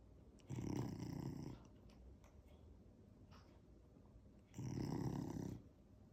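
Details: A lazy puppy snoring loudly while sleeping on a couch: two loud, rough, rattling snores about four seconds apart, with quiet breathing between them.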